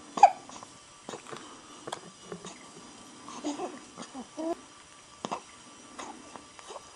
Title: sneezing